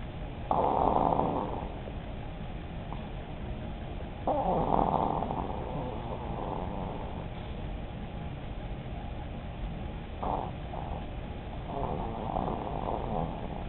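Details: Old female chihuahua snoring and dreaming while sleeping, chewing in her sleep; noisy, rattling inward snoring breaths, about four to five snores over fourteen seconds, some weaker and broken.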